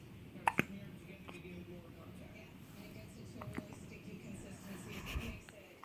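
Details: 8-day-old newborn girl with hiccups after an upsetting diaper change: two sharp little hiccup catches, then soft baby noises and quiet voices in the room.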